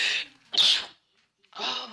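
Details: Sharp, hissy sneezing bursts with a breathy lead-in, cut together from different recordings in a compilation of sneezes.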